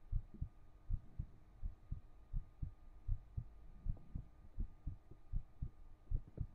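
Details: Soft low paired thumps at about 80 beats a minute with faint room hum, recorded with a 3Dio binaural microphone; a regular heartbeat.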